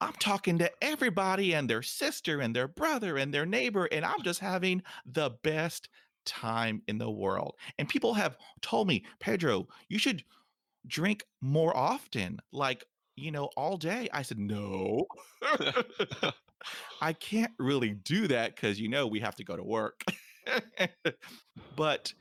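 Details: Man almost 50 who stutters, including when alone; stuttering.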